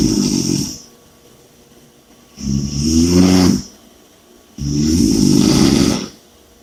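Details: Snoring and heavy breathing during sleep: loud rattling snores on each breath in, three in about six seconds, with quiet breaths out between.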